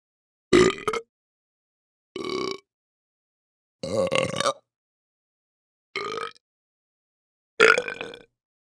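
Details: Five separate low, croaky human belches, each about half a second long, with silence between them; burps from a sound-effect recording.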